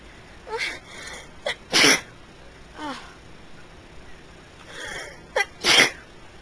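Several sharp, hissing sneezes in a row, some with a short catch of breath before them; repeated sneezing.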